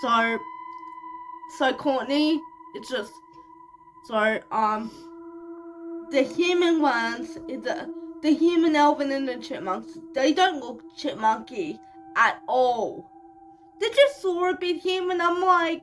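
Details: Speech of a 25-year-old woman with cerebral palsy, speaking in a vlog.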